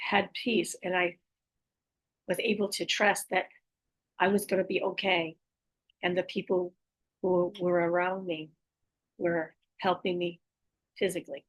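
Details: Adult female stroke survivor with post-stroke aphasia, apraxia of speech and dysarthria, says her speech can be hard to understand; word repetitions; aphasia with apraxia of speech and dysarthria.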